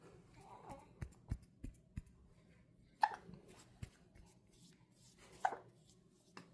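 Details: Quiet room with soft clicks and two sharp, squeaky catches of breath a few seconds apart: hiccups in a 30-day-old newborn.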